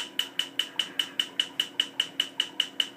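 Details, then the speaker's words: Laser tattoo removal on the leg: rapid, regular snapping clicks, about five a second, each with a bright high ring as the laser fires pulses that break up the ink pigment in the skin. "you're basically just burning the skin and well it isn't it isn't it'll the all the pigment will eventually sort of break up under your skin just little by"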